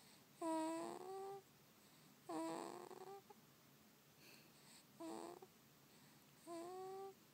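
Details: Baby snoring lightly: four soft, tonal, whistling breath noises over seven seconds, slow and somewhat irregular, in a quiet room; recorded on an iPhone.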